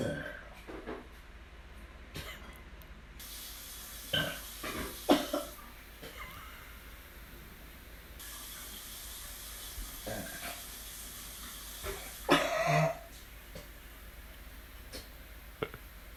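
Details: Scattered short coughing and retching bursts over running water as someone vomits into a bathroom sink: coughing with retching.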